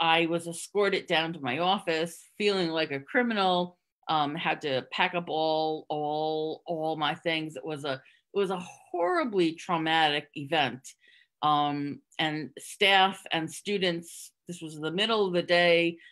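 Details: Adult woman who stutters and hid her stuttering (covert stuttering) for nearly 30 years before becoming open about it; audible repetitions of words and part-words; stuttering.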